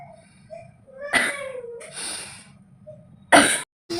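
Staged demonstration of a run of three deliberate coughs, an airway-clearance technique for moving secretions.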